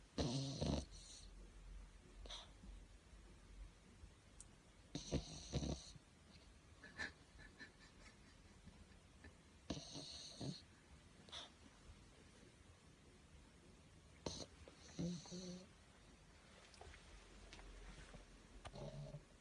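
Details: An 8-month-old pug puppy sleeping, with irregular snorts, snuffles, wheezing and snoring, about a dozen noisy breaths a minute; snoring and snorting during sleep.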